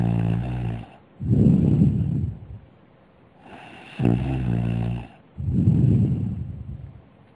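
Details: Snoring, possibly from a goldfish (questioned): loud, low, rattling breaths alternating with a buzzy, vibrating sound, repeating about every four seconds.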